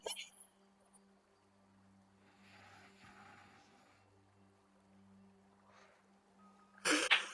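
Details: A quiet, steady hum breaks into one sudden, sharp, explosive sneeze-like burst at the end; a sneeze recorded on a stream.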